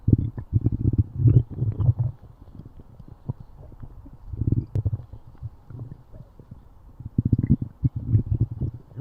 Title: stomach growling